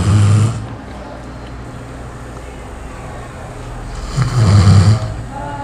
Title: Ronco alto pra cachorro! - Snoring dog! em Matias Barbosa